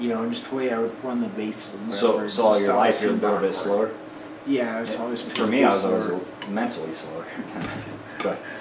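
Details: Adult male speaker; speech.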